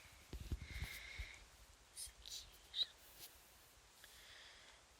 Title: fast asleep and sneezing